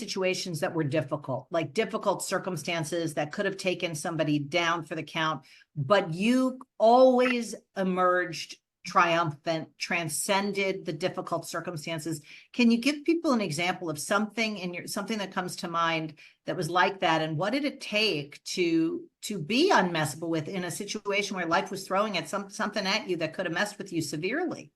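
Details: Adult woman speaking; normal speech.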